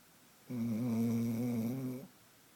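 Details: Female dog asleep, with one steady, buzzing, droning tone held about 1.5 seconds, described as sounding like an old man, in a quiet room: dog snoring.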